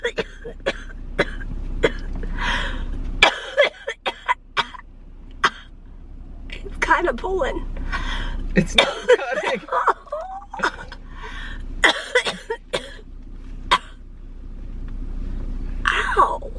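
Repeated short, harsh coughs and throat clearing between bits of talk in a car; recurring cough of cystic fibrosis.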